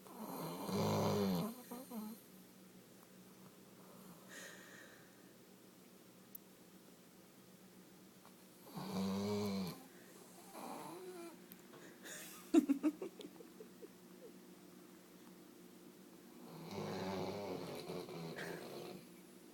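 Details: Three loud rumbling snores on inhaled breaths about eight seconds apart, with quiet breathing between, from a sleeping dog described as the loudest sleeping snorer; snoring.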